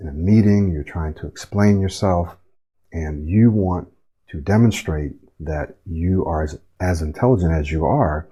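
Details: Acted demonstration of choppy start-stop speech from broken airflow and unfinished words, phrases and thoughts, a pattern linked to stuttering and stammering; choppy speech (start-stop, fragmented phrasing).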